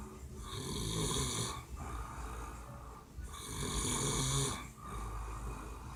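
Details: A man snoring heavily in sleep after a rough night: loud, rasping snores rising and falling with each breath, about 20 a minute, with quieter gaps between.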